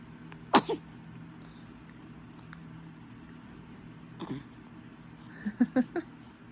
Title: Many faces plus a yawn and a sneeze